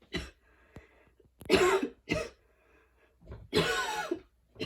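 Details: Long coughing fit after a run, with freshly cut grass allergies and fatigue: harsh coughs, throat clearing, strained breaths between, some with faint wheezy whistle: wheezy coughing fit.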